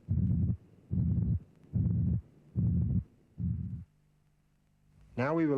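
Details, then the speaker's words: Simulated auscultation teaching recording: a flat, even-loudness pansystolic murmur of mitral regurgitation at about 73 a minute, masking both heart sounds. Brief pause, then music. "listen to a pansystolic murmur with a pathological third heart sound the third heart sound is often mistaken for a second sound"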